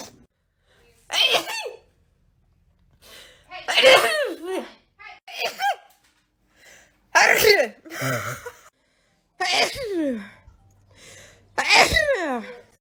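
About six sharp, voiced sneeze bursts separated by silence, each with a sudden explosive onset and a falling vocal sound.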